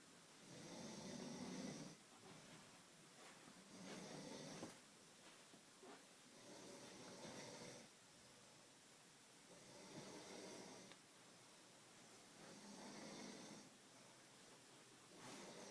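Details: Sleeping person snoring: rhythmic rough inhaled snores with quieter exhalations between, about twenty breaths a minute.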